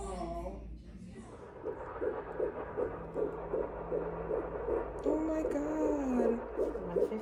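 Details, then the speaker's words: Fetal heartbeat on Doppler at 16 weeks' pregnancy, first prenatal visit: fast, regular whooshing at about 155–156 beats a minute, a normal rate. "I just finished hearing the baby's heartbeat that was so exciting I started crying"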